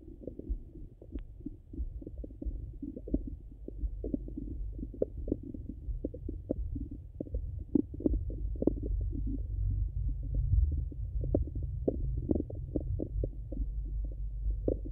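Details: Stomach sounds, hungry and full: steady low rumbling with frequent soft gurgles and clicks throughout, ordinary active bowel sounds.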